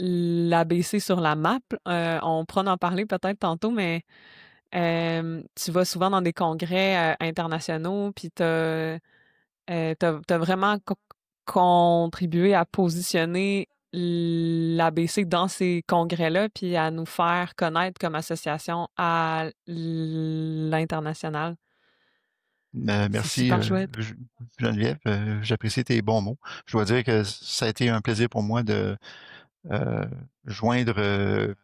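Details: Adult woman who reports her own stuttering; stuttering.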